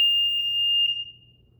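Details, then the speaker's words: Infant apnea monitor being switched on during a caregiver training demonstration: a single steady high-pitched power-on beep lasting about a second, then fading. "So I'm going to turn it on,"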